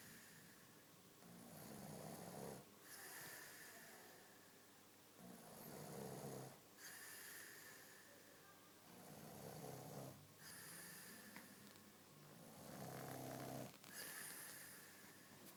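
Rough, rumbling snores on each breath in, about 16 breaths a minute, with quieter breaths out between them.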